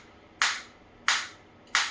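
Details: High-energy focused (not radial) shockwave therapy device for orthopedic care, applicator fired against the operator's own hand while parameters are varied: sharp, loud snapping pulses, three shots in about two seconds, roughly one every 0.7 seconds.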